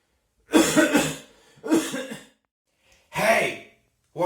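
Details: Person sneezing and coughing without covering: three short, voiced, throaty bursts of coughing in a quiet room.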